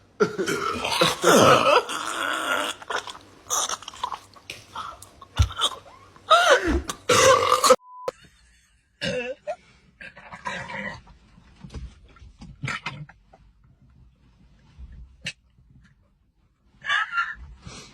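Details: Burps from several people after drinking Sprite in a Sprite challenge: a series of loud, drawn-out belches with brief gaps between them; burping.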